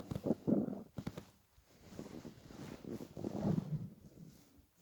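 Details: Stomach growling from hunger in a person lying on a bed after about 28–30 hours without food while dieting: low, bubbling, irregular rumbles and gurgles in a quiet room (borborygmi).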